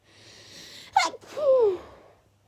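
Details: Single sharp sneeze with a brief voiced tail, part of a bout of repeated sneezing in a sneezing fit.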